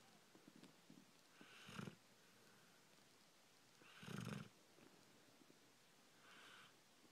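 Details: Sleeping boxer dog: soft, rough snoring sounds on slow breaths, about two in seven seconds, in a quiet room; snoring.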